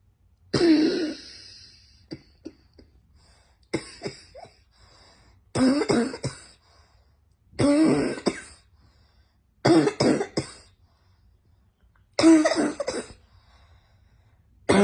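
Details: Cough during a spring cold: about seven repeated harsh coughing bouts with throat clearing.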